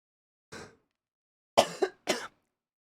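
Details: Adult woman who says her lung wheezed and mentions bronchoconstriction: a soft throat-clear, then two short, sharp coughs in a quiet room; no wheeze audible.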